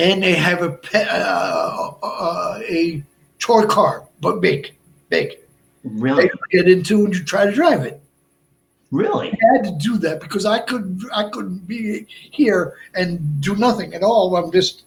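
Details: Adult male stroke survivor with Broca's aphasia for more than 8 years since a stroke on March 22, 2011, also a heart transplant recipient; short ungrammatical utterances, difficulty finding words and producing sounds, verbs harder than nouns; Broca's aphasia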